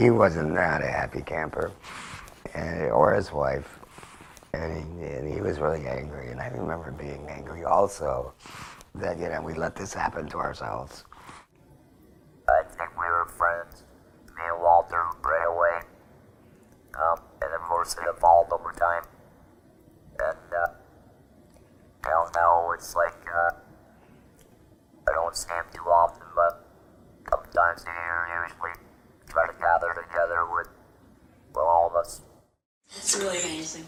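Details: Man after total laryngectomy for laryngeal cancer with vocal cords removed, formerly using a handheld electrolarynx, now speaking via a tracheoesophageal puncture he presses on; tracheoesophageal speech after total laryngectomy.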